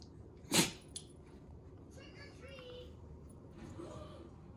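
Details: Single sharp, brief sneeze from a corgi, who is startled by his own sneeze, followed by faint quiet sounds over low room noise.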